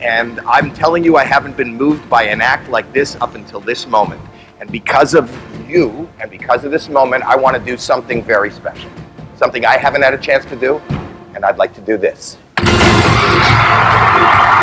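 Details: Adult man speaking; Normal fluent speech.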